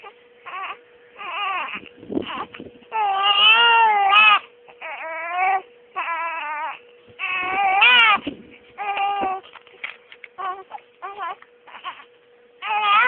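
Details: Repeated rising and falling wails from a baby, some long and some short, over a faint steady hum: ordinary infant crying.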